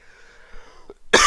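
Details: Speaker coughs during a public speaking workshop presentation, close to the microphone; quiet room tone, then one sharp, loud cough burst.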